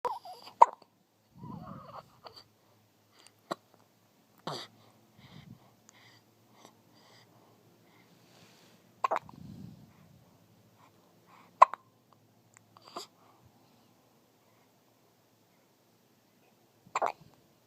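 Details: Baby with hiccups: sharp, brief catches recurring every few seconds, about six in the stretch, with soft baby grunts between; infant hiccups.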